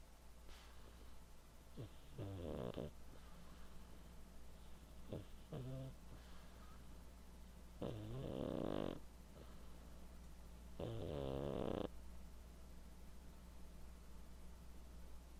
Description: My cat snoring while taking a nap